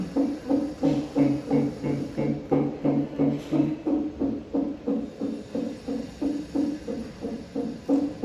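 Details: Fetal heartbeat on a Doppler monitor during a gynaecologist visit: rapid, regular whooshing pulses at roughly 170–180 per minute.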